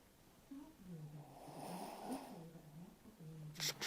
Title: Small Dog Snoring